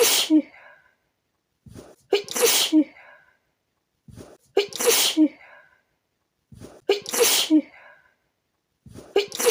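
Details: Person trying to relax hit by a sneezing fit: four sharp sneezes in quick succession, each with a short in-breath before the burst.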